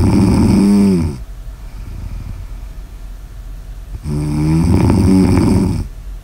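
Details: Loud, low fluttering snores on breathing in with quieter rustling breaths between, a steady snoring pattern recorded for ASMR.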